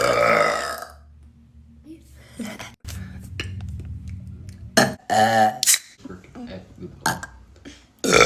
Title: New Youtube Short- Girl Burp - Burp Compilation - Part 8